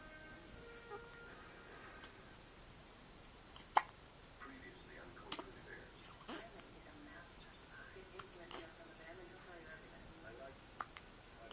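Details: A 3-week-old baby: soft, sharp little clicks every one to two seconds in a quiet room, about six in all; newborn hiccups.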